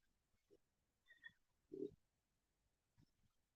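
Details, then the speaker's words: Hungry person's loud stomach during a livestream: faint low gurgles and one louder rumble from the belly over a few seconds; ordinary hunger-related bowel sounds (stomach rumbling). "I got chicken wings, but I hate to chew on live, but I really should eat them because my stomach's being really, really, really loud."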